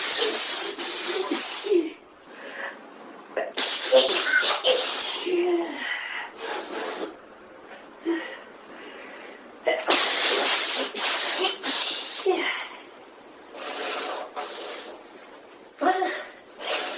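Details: Sneezing fit: a long run of repeated sneezes with quick breaths drawn between them.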